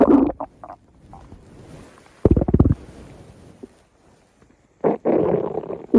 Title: Stomach Growling